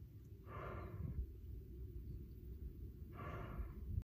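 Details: Two slow, deep, rumbling breaths or chuffs about two and a half seconds apart over low wind noise; loud, coarse breathing from a lion at a wildlife conservation facility.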